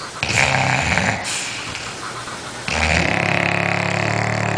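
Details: Two sleeping bulldogs snoring loudly, with harsh, rattling snores on their breaths, typical of a flat-faced breed.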